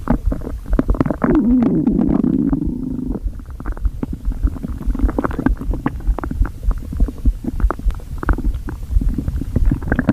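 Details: Stomach growling after overeating: loud, continuous low gurgling and squeaky rumbling from the belly, recorded up close (borborygmi).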